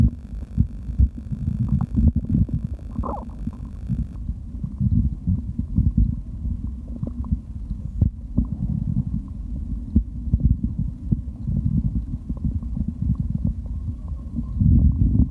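Low, continuous rumbling and gurgling with scattered soft pops; stomach growling recorded while drinking, an ordinary bowel sound.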